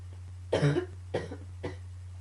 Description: coughing fit and a bit of allergies combines...phew lol